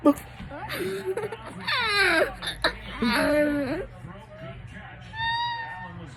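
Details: Infant with hiccups crying with whimpering, wavering cries in a small room, with short breaks between bouts; an ordinary infant cry.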